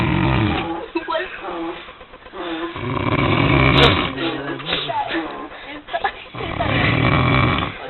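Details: Loud, coarse, rumbling snores at about 18 a minute from a sleeping man after a night of partying, recorded close and somewhat distorted.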